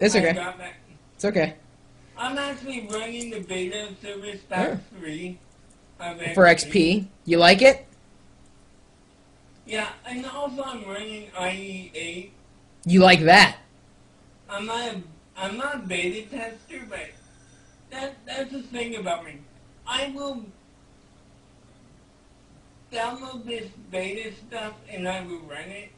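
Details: Speech of an adult man with cerebral palsy, possible dysarthria; no speech disorder is named for him.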